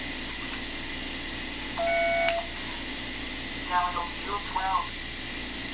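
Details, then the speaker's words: iTero intraoral digital scanner in the mouth scanning teeth for a crown: short electronic beep over steady room hum, then faint chirping tones, beeping as scan position changes. "it just requires the end of this right here to go inside of your mouth and you'll hear you would hear a little beep every now and again and we'd change the position and it would beep again"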